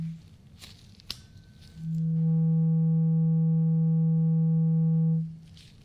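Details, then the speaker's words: Acted ASMR roleplay of an annual doctor exam, a bedside hearing test where the listener says which side they hear it: a struck tuning fork rings as a steady pure hum for about three seconds, then fades. "I have a tuning fork, and this tuning fork is going to make that sound. So I want you to tell me what side you hear the tuning fork."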